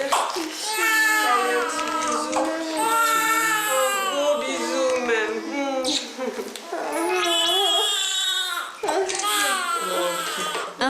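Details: Premature newborn boy born at seven months of pregnancy, 40 cm long and weighing 1.840 kg, crying just after delivery: repeated crying bursts with steady pitch and short breaks for breath.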